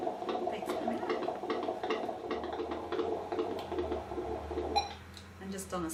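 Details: Pregnant woman at antenatal check, handheld Doppler on abdomen: rapid, regular whooshing beats about 140–150 a minute with low background hum; normal fetal heart sounds.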